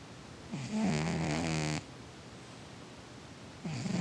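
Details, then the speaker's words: A sleeping pet cat that snores a lot gives a loud, vibrating snore on one breath, then a second begins; cat snoring. "He's snoring. My cat snores a lot. You snoring, buddy?"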